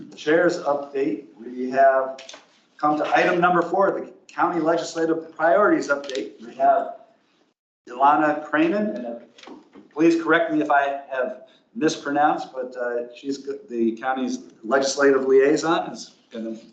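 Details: Adult speaker; normal voice.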